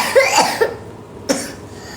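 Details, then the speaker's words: Young child coughing at night during a live stream: two short, dry coughs in a small room, the second after a brief pause; cough. "I nampak anak I batuk. Kau orang tak kesian ke? Hmm. Kau orang tak kesianahkan anak I batuk nampak tu."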